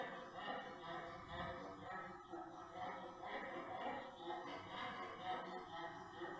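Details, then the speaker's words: A brachycephalic dog makes rapid, high-pitched, whistling, squeaky breath sounds. This is inspiratory stridor of laryngeal origin from the airway noise grading of brachycephalic obstructive airway syndrome (BOAS). "is larynx okay so that's larynx if you hear that in a brachiophilic dog it's larynx"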